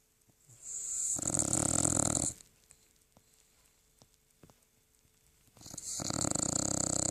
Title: Když to pes zalomí... / When the dog is snoring...